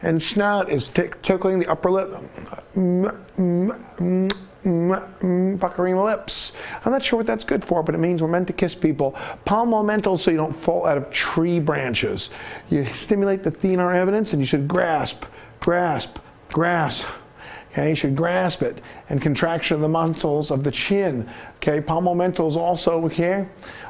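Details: Adult speaker; normal speech.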